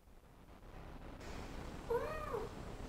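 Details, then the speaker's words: Shelter cat after pain relief, at the front of the cage interacting with the vet: a quiet, short meow over low room noise, much calmer than earlier pain vocalizations; cat vocalization after pain relief. "yeah so it sounds very different he was at the front of the cage and so he sounded like a it sounded like oh don't put me in the cage again so a much different a very different before and after picture there"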